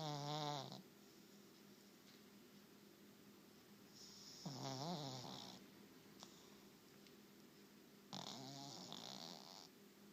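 Soft snuffling snores and whistling nasal breaths, about three in ten seconds, over steady room hum; ordinary snoring during a nap.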